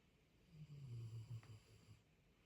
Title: snoring won’t let me sleep,mind you this is 4am in the morning 😂